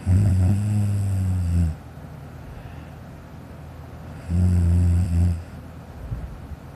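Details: Child snoring loudly during sleep, filmed by a sister: loud, deep, rumbling snores on two in-breaths separated by quiet pauses.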